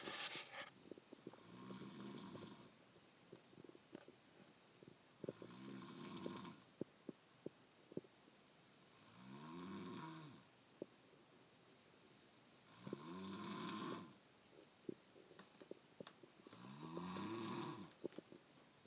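Regular rattling snores about every four seconds, roughly 14 breaths a minute, with faint clicks between them: steady snoring.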